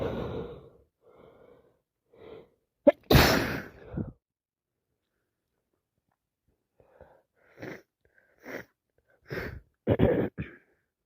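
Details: Person with allergies and a cold, non-stop sneezing: soft breathy inhalations then one loud explosive sneeze, followed by several short sniffs; sneezing with runny nose.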